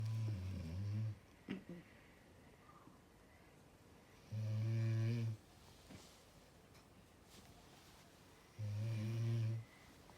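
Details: Deep, droning, regular snores about every four seconds, roughly 14 breaths a minute, against quiet room noise; big snoring during sleep.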